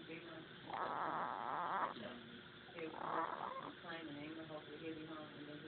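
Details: Newborn animal about 2 hours old snoring: soft, irregular snuffly snoring breaths, with faint talk in the background.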